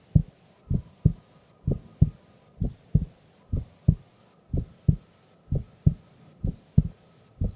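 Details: Female recorded asleep during an afternoon nap: steady paired lub-dub beats at about 65 a minute, no extra sounds; normal heart sounds.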